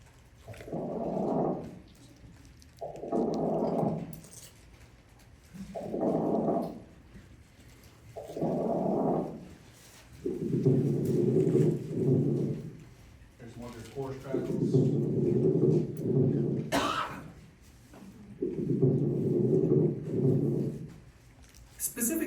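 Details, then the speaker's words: Coarse crackles heard through each breath in the lungs: rough, noisy breath sounds with a rubbing, "excess junk" quality suggesting fluid or secretions in the airways. "Anybody hear that that course crackle? It just doesn't sound right. Does it kind of rubbing sound almost? Just sounds like a lot of excess junk almost inside those lungs."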